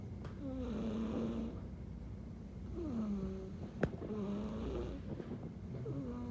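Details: Slow, squeaky, whistling snores with each breath over a steady background hum, with one sharp click partway through. Snoring.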